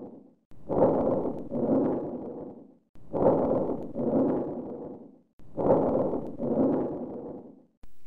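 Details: Teaching recording of soft rustling breaths with strong, long-drawn expiration exceeding inspiration, about 24 a minute, as in asthma or emphysema: vesicular breath sounds with prolonged expiration.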